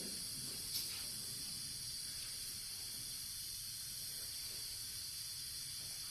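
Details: Soft steady hiss of an aerosol spray, a local anaesthetic sprayed into the throat by an anaesthetist preparing himself for his own awake nasal fibreoptic intubation.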